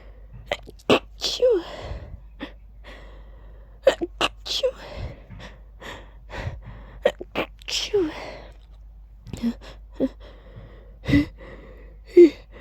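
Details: Deliberately voiced sneezes, ending each with an added "choo": a run of loud, sharp "choo" sneezes, each preceded by a quick indrawn breath, with short pauses between; repeated sneezing.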